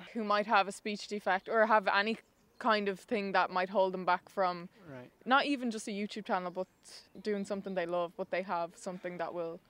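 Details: Adult woman speaking; typical speech.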